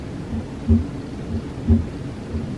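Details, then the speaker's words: Simulated aortic stenosis on a cardiology patient simulator (Harvey): heart sounds at about 60 beats a minute with a harsh rushing murmur, turbulence as blood pushes through a stiffened, tight aortic valve. "so now we hear that turbulence as the blood is trying to push through an arctic valve which is stiffened and doesn't let the blood flow through as readily as it would in the normal case"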